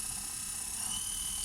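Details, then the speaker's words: Restored vintage Japanese dental lathe running after being stepped back to lower speeds: steady high-pitched motor whine with faint low rumble, unchanging throughout. "I wasn't even sure was on a run or not but now it's up and running pretty happy with it"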